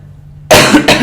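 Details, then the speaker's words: Adult in Argentina, two vaccine doses and awaiting a booster, about 20 days after mild COVID, with lingering cough, heavy sweating and a strange-sounding voice: coughing during recording; post-COVID cough. "you will probably hear my voice a little bit strange and you might hear me coughing during this recording a lot"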